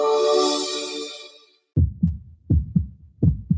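After a fading musical tone, a steady lub-dub heartbeat at roughly 80 per minute, a healthy heart.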